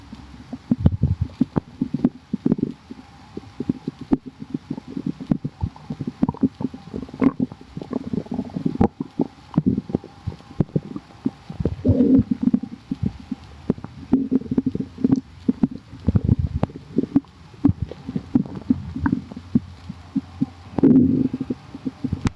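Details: Quiet tummy: soft, irregular low gurgles and brief rumbles from an abdomen, ordinary stomach growling (borborygmi).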